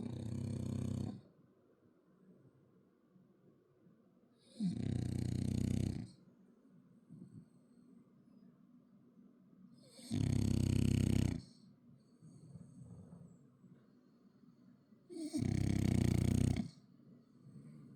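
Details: Snoring French bulldog: loud, rough snores about every five seconds, roughly 12 a minute, with quiet between.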